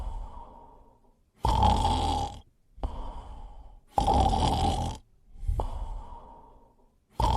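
Loud, rough snores on each in-breath, about three in seven seconds, with quieter breaths out between them. Snoring.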